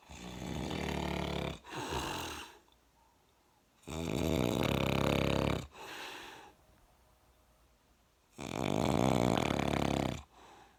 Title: My nephew snoring like motorcycles